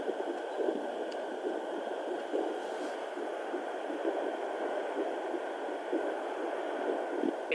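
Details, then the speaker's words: Faint, rapid whooshing fetal heartbeat under steady doppler hiss, found at home with a fetal doppler at about 8 weeks 5–6 days of pregnancy, mother lying on her back, probe low under the pubic bone. "baby's heartbeat with the fetal doppler and I couldn't find it last week and lo and behold the very next day I found it"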